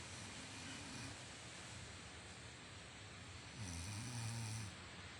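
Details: Adult woman sleeping: low, soft, rumbling breath sounds over steady room hiss; quiet snoring.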